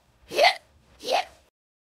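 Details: Simulated hiccups from an AI-generated cartoon robot character: two short, voiced hiccup-like gulps about 0.7 seconds apart.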